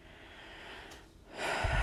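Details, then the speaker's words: Normal augmentation on a lower extremity venous Doppler ultrasound demo, signal in the proximal greater saphenous vein: quiet venous hiss, then a loud rising whoosh when the calf is squeezed, with flow returning afterward. "sometimes you have to [Music] squeeze the thigh but i was able to get it from doing an augment in the calf just fine got a perfectly fine augment and i saw the flow came back too"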